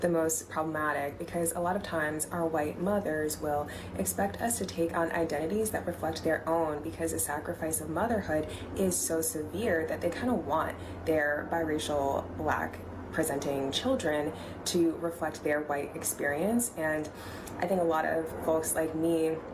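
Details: Adult woman speaking; normal speech.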